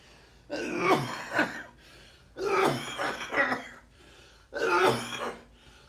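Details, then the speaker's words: Adult with slight asthma, without inhaler for a week, suspects chest cold; congested, just blew nose. Three bouts of harsh, wet, chesty coughs with throat clearing and loose congestion; productive cough. "I'm all congested, scarred up."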